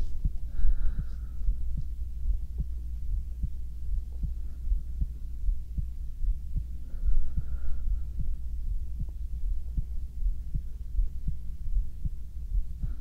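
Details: Heartbeat recorded binaurally for a sleep ASMR video, lying down to sleep: steady, regular low thumps at roughly 65–70 per minute over a soft hum; stomach sounds may be included; normal heartbeat.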